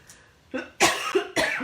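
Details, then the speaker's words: Adult woman with a dry throat during a live card-stamping session gives a short run of about three dry, unproductive coughs in a quiet room, anticipating a coughing fit; dry cough. "pardon me there's that dry cough you know what i'm gonna slip a ricola in my mouth"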